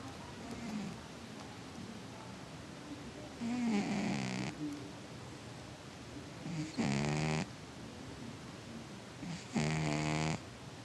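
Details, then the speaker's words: Soft, buzzing snores about every three seconds, roughly 20 breaths a minute, from a sleeping pet cat in a quiet room, recorded after being heard from another room; frequent, harmless cat snoring. "He's snoring. My cat snores a lot. You snoring, buddy?"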